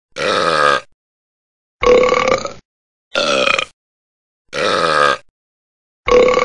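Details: Five long, deep, gurgling voiced burps in a row, about one every 1.5 seconds; professionally recorded and processed sound effect; burping.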